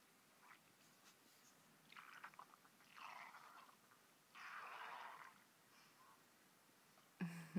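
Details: Loud gurgling, squealing rumbles from the belly of a dog that was not feeling well. Borborygmi (loud stomach growling).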